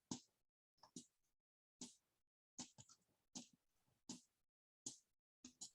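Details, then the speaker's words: A Hygeia Evolve electric breast pump runs in its two-phase stimulation mode, with rhythmic hissing suction pulses about 78 a minute and brief pauses between. "so i turn it all the way up so we're on our maximum stimulation meaning 10 uh 10 on the highest on the this and 5 on the speed this is the section okay"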